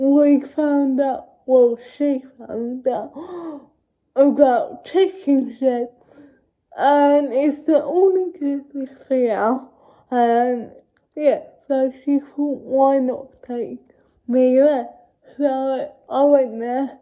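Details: Adult woman with cerebral palsy speaking to camera: dysarthria (cerebral palsy)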